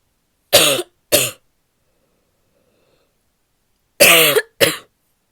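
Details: Female barky coughing fit: two pairs of short, harsh, barking coughs, four in all, with silence between them.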